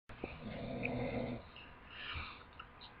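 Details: Sleeping dog snoring loudly; one rough, buzzing snore with a faint whistling edge, then quieter breathing; snoring.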